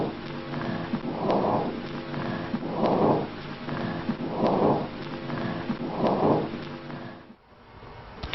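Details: Vesicular breath sounds.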